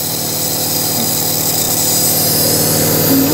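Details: Steady loud motor hum with a buzzing rattle from a compressor nebulizer running during an inhalation treatment for a young boy's cough, the child breathing through his nose; compressor nebulizer running.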